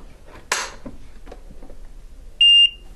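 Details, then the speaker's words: Single sharp high-pitched beep after a click from a Cardiac Science AED with a newly installed battery; status warning that sounds, with red indicator, until a self test completes; AED status warning beep. "now the AED won't recognize the new battery until it does a self test so the status indicator will continue to be red and the a will continue to beep until a self test is completed"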